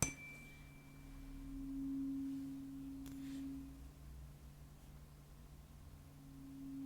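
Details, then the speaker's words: Role-played ASMR hearing test of a patient with a few weeks of hearing loss, right ear worse than left: a struck tuning fork rings as a steady low tone that slowly fades. The acted result is accurate hearing at near and far distances. "and that time yeah it was that accurate and similar thing so you can hear when it was really close really far away"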